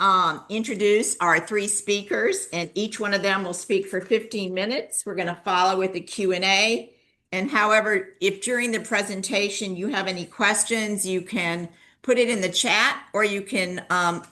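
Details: Adult woman speaking; normal speech.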